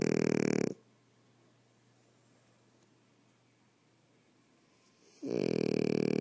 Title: Snores